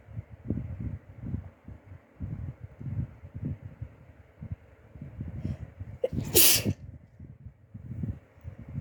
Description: Almost better from the flu and so thought I'd record a few before I start going back to life tomorrow 🤧🥰